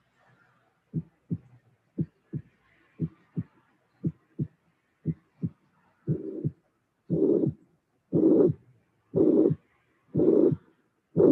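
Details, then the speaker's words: Teaching recording: four beats of first and second sounds without murmur, then a mitral regurgitation murmur appears, followed by a third heart sound appearing at the end. "so in this case I didn't mention before we have uh a third sound appearing at the end"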